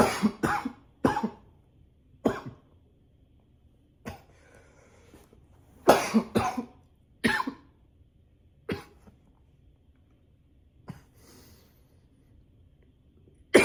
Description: this cough is nonstop...